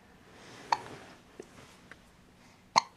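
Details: Short, sharp catching sounds about two seconds apart in a quiet room from a smiling baby girl; ordinary, harmless infant hiccups.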